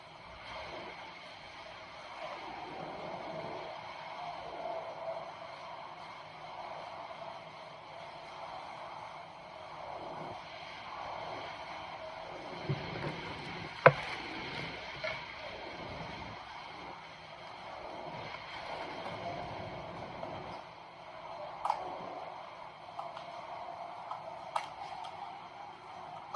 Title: fetal doppler